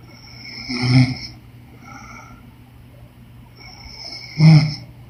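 Two short, low, snorting snores about three and a half seconds apart, with faint breathing noise between.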